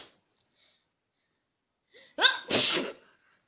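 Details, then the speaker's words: Acted "diseased sneeze" imitation in a demonstration of sneeze types: a voiced intake, then a loud, hissing sneeze burst. "So yeah, first one will be the normal sneeze, like usual. Sorry. The diseased sneeze."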